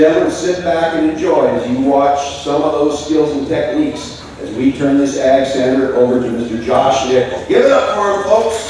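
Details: Adult male announcer; Normal voice.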